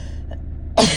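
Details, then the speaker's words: Adult with asthma, no chest infection and inflamed airways after an attack the day before, recorded close-up in a car: low room hum, then one sudden harsh dry asthmatic cough. "so um that is what it sounds like for me today with um what I would call my my dry cough that's um that's a cough without deep infection or anything in in my chest"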